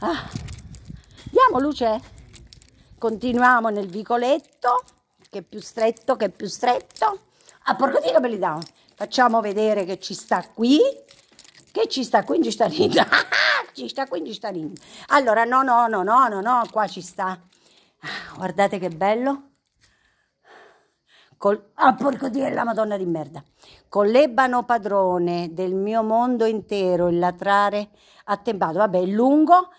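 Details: Female vlogger with Tourette syndrome; sudden involuntary swearing outbursts (vocal tics with coprolalia) interrupt her speech.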